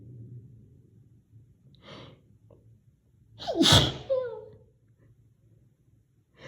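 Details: Deliberately induced, loud, high-pitched sneeze with a quick in-breath before it and soft sniffling before and after; nose-blowing also recorded.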